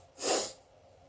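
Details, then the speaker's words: A single sharp, breathy burst of air lasting under half a second: one sneeze, done with the mouth open. "these three times it's gross almost I came out all right so I know I didn't sneeze with my mouth closed I'm terrible"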